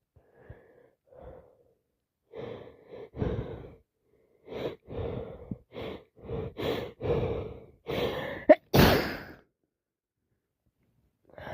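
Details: Day 2 of a cold: several sharp inhaled gasps followed by explosive, wet, messy sneezes, the last loud and spraying; sneezing.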